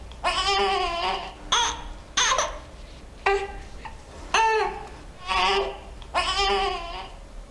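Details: Baby's gas (wind) crying, per a nurse explaining how to tell cry types apart.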